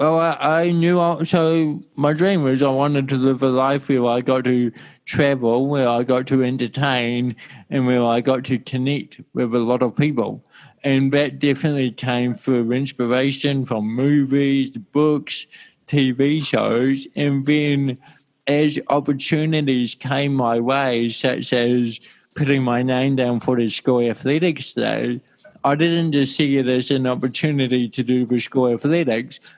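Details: Adult male born with cerebral palsy in 1984; he attended daily speech therapy for his first seven years and calls his speech impediment an accent. Finding: dysarthria (cerebral palsy).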